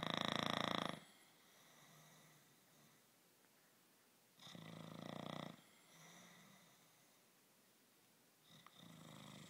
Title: Dog snoring girlfriend farting